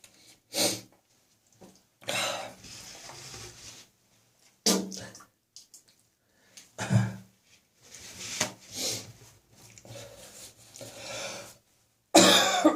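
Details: Evening coughing and spitting after coming into a warm house from cold outside air, cough slowly resolving: several harsh, loose coughs with throat clearing and spitting; productive cough.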